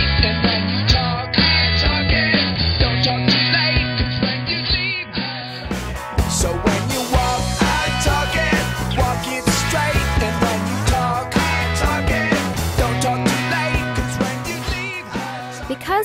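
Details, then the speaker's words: Simulation of mild high-frequency hearing loss applied to loud rock music: it sounds dull and muffled for the first few seconds, then turns bright again; such gradual loss may go unnoticed. "loss of hearing is usually gradual you would probably not even notice this degree of hearing loss"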